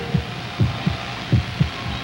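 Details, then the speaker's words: Human heartbeat in a 1969 radio public service announcement: regular paired low thumps about 70 beats a minute over a steady background hum; normal heartbeat. "is the sound of a human heartbeat"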